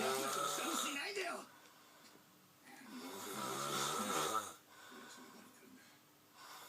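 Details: Asian person snoring with mouth open: two loud, rattling snores on breathing in, separated by a quieter breath out, in a quiet room; open-mouth snoring.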